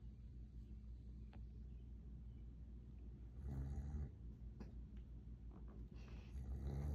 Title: Woww didn’t know she could snore so much 😂 #shorts